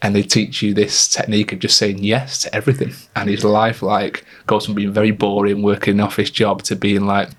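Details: Adult male speaker; normal fluent speech.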